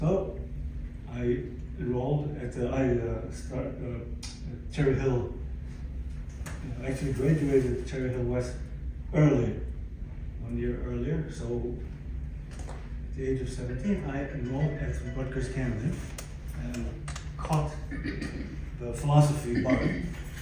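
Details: Aphasia in a 62-year-old man, acquired after a stroke in December 2011 that followed a cardiac ablation for arrhythmia; affects languages and speech; attending speech therapy at an aphasia center.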